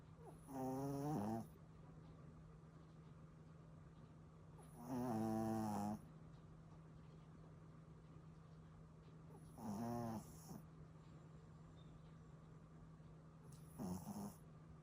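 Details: Duke, a puppy, snoring: loud, buzzing, tonal snores about every four to five seconds, roughly 14 a minute, with a steady background hum; snoring.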